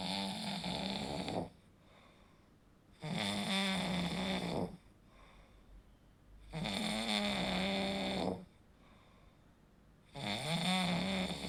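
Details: Four loud, rough snores on breathing in, with quiet breathing out between them, during sleep: snoring from throat tissues vibrating in a partly blocked airway.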